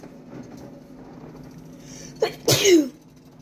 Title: don't mind my sneeze but yummy